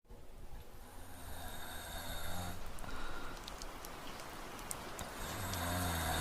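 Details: Light snoring from a sleeping adult man, with rain sounds in the background.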